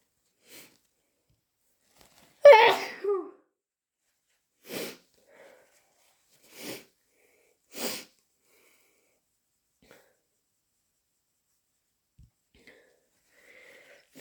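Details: Hay fever-induced sneezing: one loud sneeze followed by three softer sneezes over several seconds.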